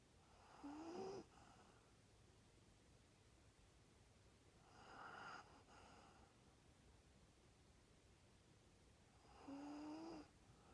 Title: Snoring rat terrier dog